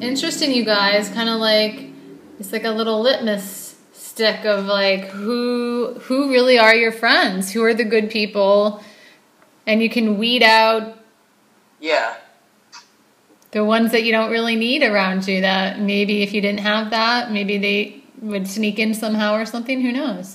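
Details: Adult woman; typical speech.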